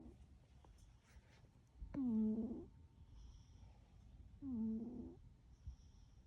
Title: Snoring kitty 🐱 😴 💤 🥱 😽